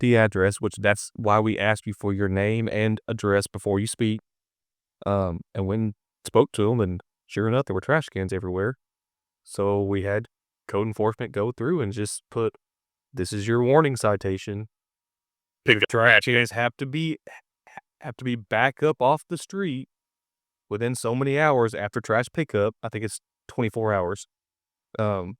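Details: Adult man speaking; typical speech.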